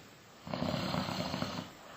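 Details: Snoring in a low-quality phone audio recording shared on WhatsApp: one long, rough, rattling snore on the in-breath, lasting over a second; adult snoring.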